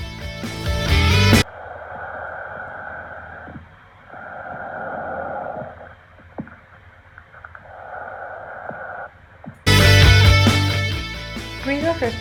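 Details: Pulmonary auscultation demonstration through a stethoscope: soft, even rushing breath sounds between bursts of music; normal breath sounds.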